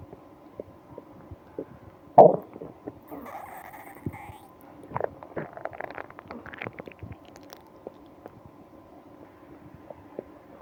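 Scattered gurgles and bubbling squeaks with one louder burst, against a faint steady hum. Stomach growling (bowel sounds).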